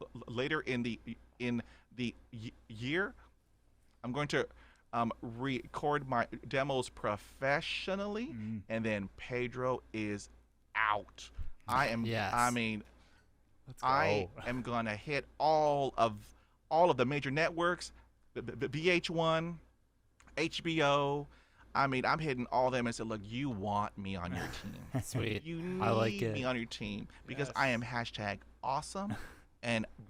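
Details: Adult man who has stuttered since childhood, about 80% fluent after 20 years of speech therapy, still showing blocks and repetitions: stuttering.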